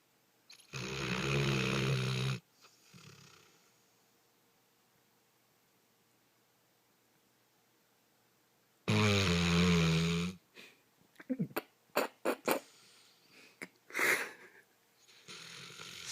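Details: Sleeping dog snoring: two loud, rough, rumbling snores several seconds apart, followed by clicks and small rustling noises.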